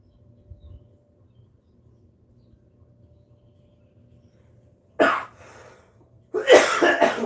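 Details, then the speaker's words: After several seconds of quiet room hum, an adult who says they have an upper respiratory infection gives two harsh, forceful coughs in quick succession. "Not my cough. That's not impressive. I'm uh sorry for coughing like that. I have a upper respiratory infection or something."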